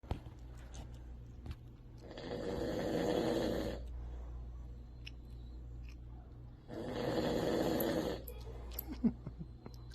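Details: A sleeping dog snoring: two long rattling snores about four seconds apart, roughly 13 breaths a minute, over a low steady room hum.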